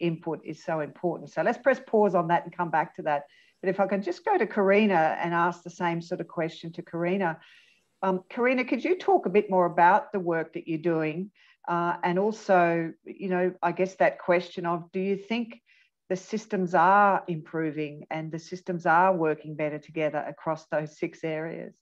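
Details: Adult speaker; typical speech.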